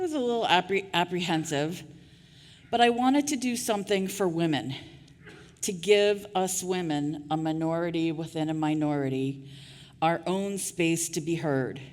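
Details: Adult woman who stutters, after years of covert stuttering; stuttering.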